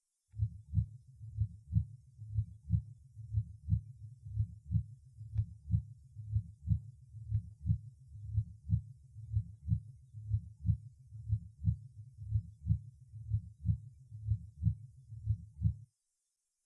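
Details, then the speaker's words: Patient with hypertensive disease, heard first over the aorta and then the pulmonary artery: regular heart sounds at about 60/min, with the second sound much louder over the aorta than over the pulmonary area, showing an aortic second-sound accent. "обратите внимание что громкость второго тона на аорте существенно выше чем на легочной артерии сначала надо орт и затем над легочной артерией"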